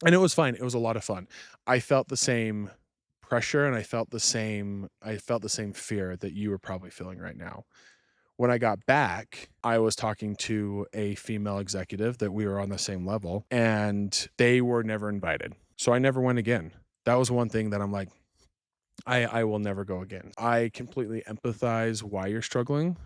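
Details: Stuttering with word and phrase repetitions in an adult man who stuttered from childhood and had speech therapy until junior high; he still stutters when fast, nervous or excited and has residual R difficulty.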